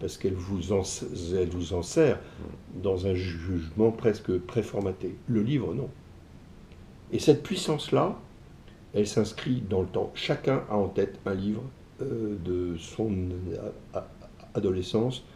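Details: Man who stutters, describing it as what has marked him most in life though it never held him back; ease of speaking varies with the listener's receptiveness; stuttering.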